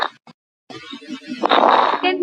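Low-pitched, rumbling, snoring-like breath sound, typical of rhonchi from secretions in the larger airways.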